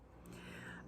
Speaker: they if they just want can you hear my dog she's snoring sorry about that you can hear her in the background